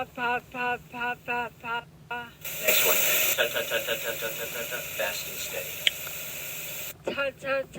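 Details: Female patient with moderately severe spastic dysarthria suggesting bilateral upper motor neuron dysfunction of the bulbar musculature, with dysphagia, referred for speech therapy: spastic dysarthria.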